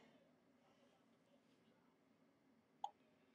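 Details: Infant's first hiccups outside the womb, recorded October 22: a single abrupt, soft hiccup against a quiet room background; hiccups.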